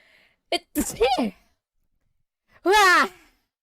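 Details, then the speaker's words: A streamer, who said beforehand they might sneeze, sneezes on a live stream: a quick intake and gasping 'ah' build-up, a pause, then one loud, voiced sneeze burst; a single ordinary sneeze. "oh my god no i was saying yesterday that i wouldn't sneeze on stream god damn it i hate this i hate this don't tell anyone don't tell anyone i sneezed it's okay"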